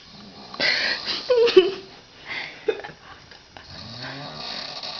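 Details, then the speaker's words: Woman in her 50s snoring at 11:13 p.m.: a loud, harsh snort followed by squeaky, whistling snoring noises, irregular and uneven; very loud snoring. "It's 11:13 p.m. on March 15th. And right now, this is proof time, okay? Loud snore. Okay, loud."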